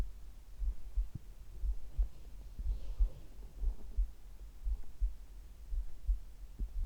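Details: Heart and stomach sounds recorded together: soft, low, steady thuds at about 60 beats a minute, slow resting heartbeat, with faint gurgling of bowel sounds in the background.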